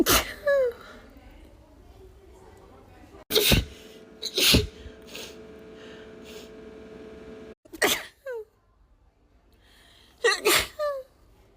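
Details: Woman with allergies: five sharp, explosive sneezes, several preceded by a gasp, in a quiet room, edited into a loop; sneezing.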